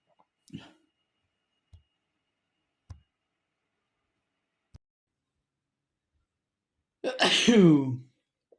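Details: Male trying to stifle sneezes, possibly photic, random or cold-related: a few soft breath catches, then one loud voiced sneeze in a quiet room.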